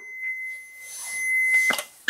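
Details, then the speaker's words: Steady high electronic warning tone with faint clicks from an automated external defibrillator in a resuscitation demonstration, after analysis advised a shock with voice prompts "Patient nicht berühren, Schock empfohlen". "Patient nicht berühren Patient Schock empfohlen"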